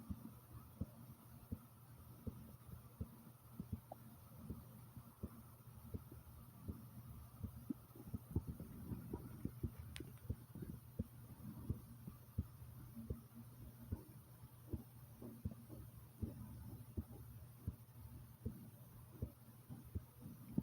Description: listen to my heartbeat pounding like comment subscribe and enjoy ❤❤ #heartbeat #subscribe